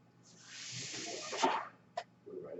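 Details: Speaker's own real mechanical ventilator during podcast recording: a steady rush of air lasting over a second, then a brief click as a breath is delivered; mechanical ventilator airflow noise.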